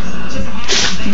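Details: Puppy sneezes on cue: a single short, sharp sneeze over a steady low background hum.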